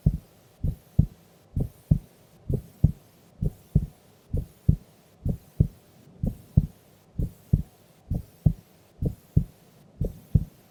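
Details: Heartbeat of a sleeping female during an afternoon nap: clear paired lub-dub beats, slow and steady at about 65 a minute with light background hiss, normal heart sounds.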